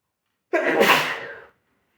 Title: Sneezing on chair